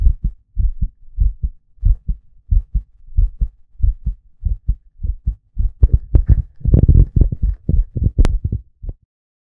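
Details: Boy's heartbeat, regular paired thumps at about 90 beats a minute, a normal heartbeat.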